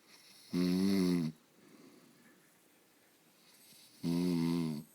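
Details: Husband beginning to snore lightly: two loud, buzzing, tonal snores about 3.5 seconds apart with quiet breathing between; snoring.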